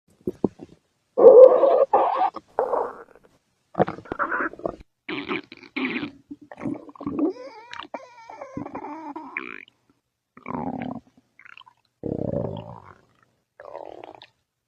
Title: Leaty stomach growling